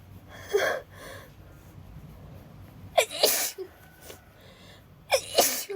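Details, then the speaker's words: Acted sneezing by a girl who says she is cold and wet from rain and has a headache: a soft sneeze, then two quick pairs of loud, sharp sneezes with gasping in-breaths before them. "be fine sorry it's just I'm cold and and wet I can't stop sneezing"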